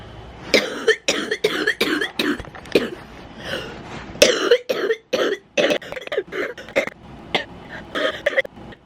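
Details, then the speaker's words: A person with cystic fibrosis who has a feeding tube, coughing in the morning before vest and nebulizer therapy: a long run of repeated harsh coughs with throat clearing and brief breaths between; persistent chest cough. "Okay, now while I have a minute while I'm not coughing, next I am going to do my vest nebulizers, take my meds."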